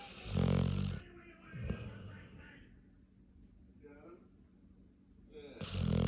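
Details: Female pit bull snoring louder than a man while asleep: loud, low, rattling breaths drawn in with quieter exhalations between.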